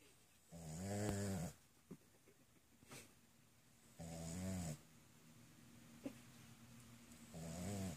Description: Dog snoring